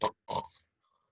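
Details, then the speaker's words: Adult imitation of the choking snort in sleep when the tongue base blocks nasal airflow during snoring; two short, harsh snorting bursts as the obstruction breaks through. "jadi aliran udara dari hidung masuk tersumbat nih ini pangkal lidah sehingga tidak ada aliran udara yang bisa masuk jadi orangnya biasanya kayak kecetit gitu ya"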